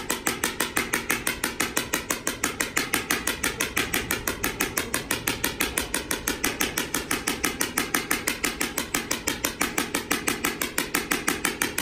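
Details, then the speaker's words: Sharp, regular clacking pulses at about 120 a minute over a steady hum as a shock wave therapy device delivers 500 shocks to a lightly sedated horse with a slow-healing small skull fracture, probably from a kick; shock wave pulses. "once we start the treatment it's pretty noisy the treatment is based on number of shocks typically horses get a thousand to 1,500 shocks because we're treating a very small area today Koko's just getting 500 shocks"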